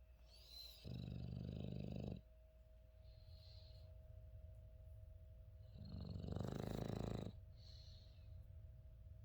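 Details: Female English Bulldog/Shar Pei mix: two low, rumbling breaths several seconds apart over a steady background hum; dog snoring.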